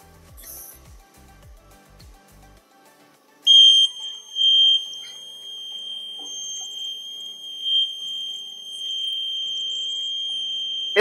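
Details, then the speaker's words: Invacare Perfect oxygen concentrator at 5 L/min, one yellow pressure equalization valve cable disconnected to simulate coil failure: clicking, then a sustained high-pitched continuous alarm as the compressor shuts down; continuous device alarm. "continuous audible alarm was activated the moment I disconnected this power cable. This indicates that the system is detecting a malfunction within the electrical circuit of the pressure equalization valve coil."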